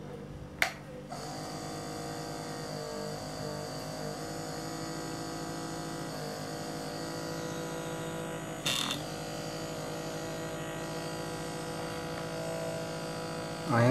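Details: Repurposed nebulizer compressor running as an aquarium air pump, air tubing attached to one opening: steady mechanical hum and buzz of a small compressor motor with a few brief clicks and knocks.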